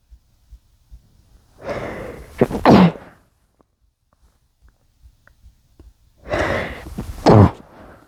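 Two stifled sneezes, each a drawn-in breath followed by a muffled burst, several seconds apart in a quiet room.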